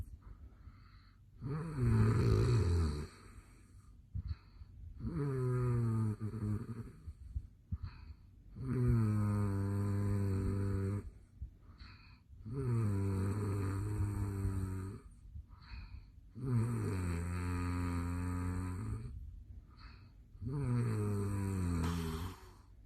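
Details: Adult man recorded asleep at night: loud, rattling snores about 16 a minute, each a long low vibrating inhalation; habitual very loud snoring.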